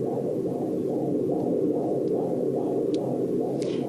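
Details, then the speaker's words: Fetus of a pregnant mother carrying her eighth child, heard by Doppler at a public march: fetal heartbeat at 128 per minute, described as very healthy; fetal heartbeat. "128. Bardzo zdrowe tętno. Słychać bicie serca dziecka. Szanowni Państwo, słyszycie to?"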